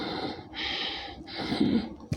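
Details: Quick, rough, noisy breaths from a child with fast, effortful breathing and nasal flaring; a warning sign of respiratory distress, possibly pneumonia, throat swelling or airway obstruction such as a foreign body.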